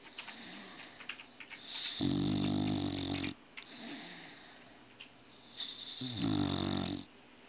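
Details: Dog snoring: two long, loud, rattling snores separated by quieter breathing and snuffling.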